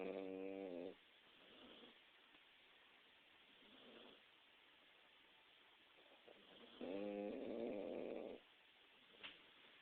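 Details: Snoring during sleep: two loud, buzzing, vibrating breath sounds about six seconds apart, with softer breaths between.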